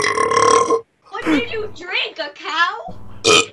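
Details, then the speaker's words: Gamer burping: a long, loud voiced belch, then brief talk and a second short burp at the end. "You guys burp like that. I don't get how he burps like that."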